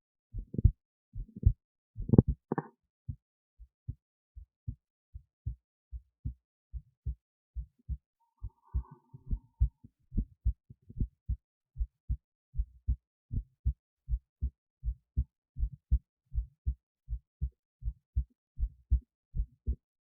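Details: Steady, regular two-part heartbeat at roughly 80 beats a minute, heard close-up. Own heartbeat recorded via an esophageal stethoscope in the esophagus near the heart, with EKG: normal heart sounds.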